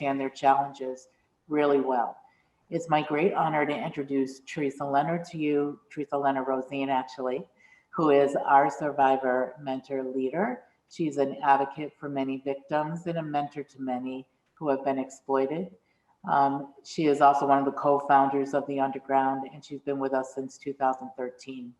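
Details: Adult speaker; ordinary speech.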